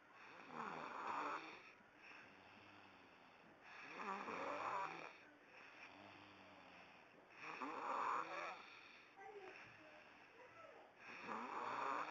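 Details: Regular snoring, about 15 breaths a minute, with a whistling nasal edge from a sleeping boy with a booger partly blocking his nose.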